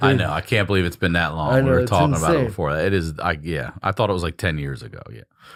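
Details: Adult male speaker; typical speech.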